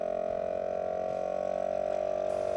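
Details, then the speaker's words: Portable suction machine for tracheostomy suctioning, patient port fully blocked and pressure turned up to its highest setting to check vacuum: steady motor hum with a strong mid-pitched drone. "and then we're going to turn on our machine and use our pressure adjustment and we're going to turn it totally up to its highest pressure to make sure we get total pressure that we need"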